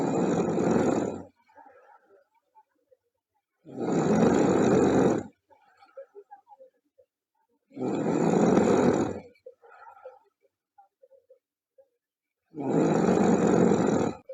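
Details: Girl snoring loudly: four harsh, rattling snores each over a second, about four breaths a minute, quiet breathing between; heavy snoring.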